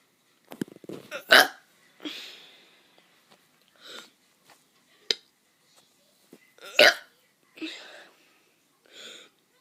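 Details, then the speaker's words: A child deliberately forcing burps: about eight short, abrupt throat bursts, hiccup-like gulps with silence between them. "Hey guys, I'm gonna be doing some burps."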